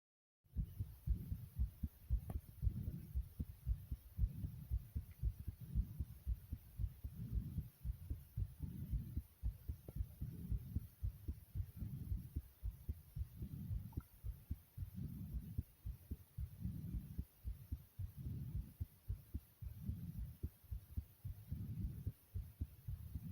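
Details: Fast, strong, regular low thumps of a pounding heartbeat at roughly 110 beats a minute, tachycardia.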